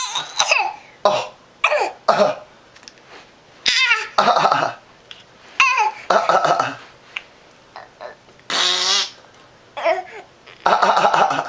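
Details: Toddler boy imitating coughs back after an adult coughs, short playful voluntary coughs between babble and laughter, not illness.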